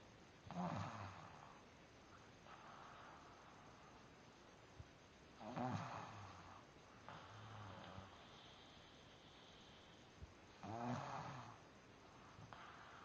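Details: A man who says he doesn't snore gives three loud, rough snores about 5 seconds apart, around 12 a minute, with quiet breathing between; snoring.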